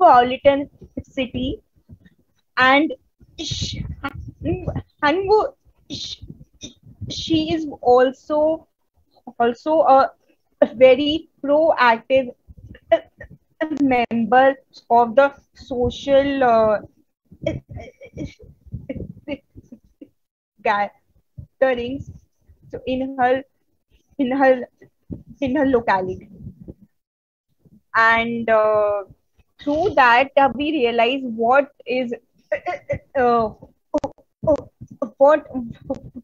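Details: Adult woman who stutters, a member of an Indian stammering self-help association, presenting on women and stuttering at a 2022 stuttering conference; stuttering.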